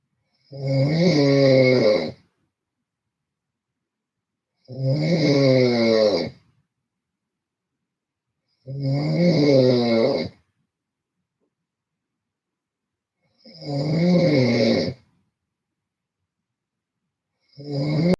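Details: Loud, rattling snores on each breath in, about 15 a minute, with silent pauses between them, from a sleep stream; heavy snoring.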